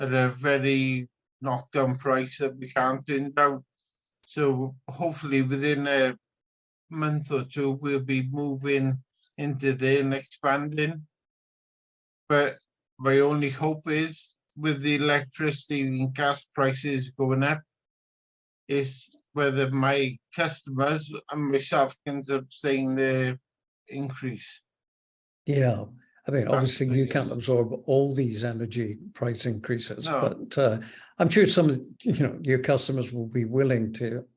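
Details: Adult man with genetically confirmed spinocerebellar ataxia type 14, which his brother also has; ataxic dysarthria.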